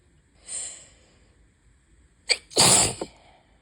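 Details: A sharp in-breath, then one loud explosive sneeze on a bad allergy day with high pollen and an open window: sneezing from allergic rhinitis.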